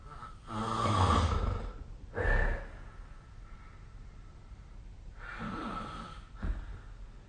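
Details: Adult sleeping, recorded on 2025/05/23 with the SnoreLab snoring app: loud, rough, fluttering snores with quieter breaths between them, irregular in strength: snoring.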